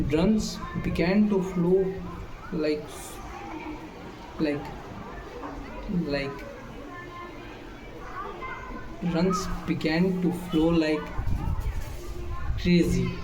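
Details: Male speaker who states he stammers; stuttering, with restarts of a phrase after long pauses filled with voiced sounds.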